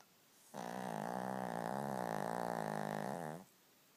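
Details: Loud, long fluttering snore of about three seconds in a quiet room from a 2-year-old Cavalier King Charles Spaniel dog snoring heavily in sleep; snoring.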